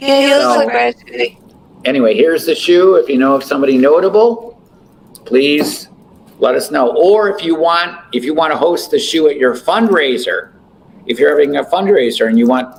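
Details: Adult speaker; ordinary speech.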